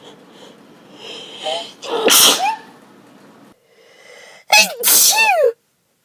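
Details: Allergy sneezing, off antihistamines before an allergy test, recorded over an afternoon: two sneezes, each a short in-breath then sharp explosive burst of air and voice, brief pause between.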